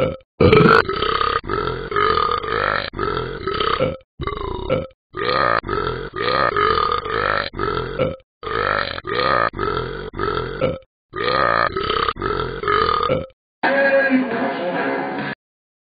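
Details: Simulated burping from the animated Talking Ben the Dog iPhone/iPad app: a montage of long, loud, voiced belches separated by short gaps, with one rougher final burst.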